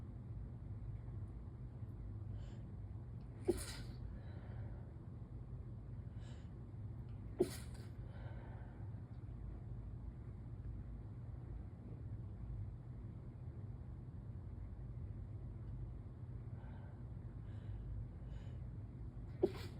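Three brief, muffled bursts about four seconds apart over steady low room noise: stifled sneezes, repeated with allergy.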